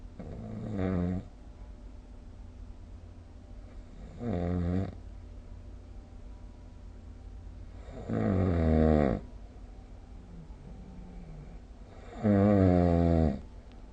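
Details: Snoring recorded with the SnoreLab app: four loud, rattling snores on the in-breaths, about 15 breaths a minute, with quiet breathing between them.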